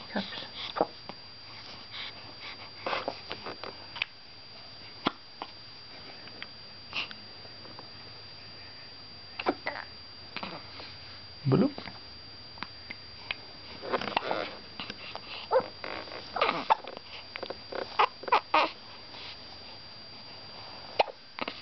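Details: Hiccups from a baby boy: repeated brief, abrupt catching sounds at irregular intervals over a steady room hum.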